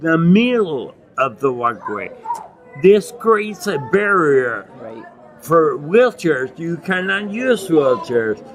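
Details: Adult man with non-progressive acquired ataxia and myoclonus (Lance-Adams syndrome) from brain damage after Legionnaires pneumonia and a 12-day induced coma in 2011; he reports difficulty speaking and articulating and getting winded when speaking; ataxic dysarthria.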